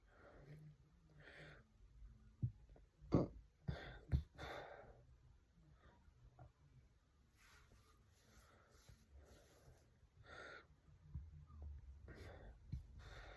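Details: Induced hiccups: several short, sharp, jerky catches of breath at irregular intervals in a quiet room.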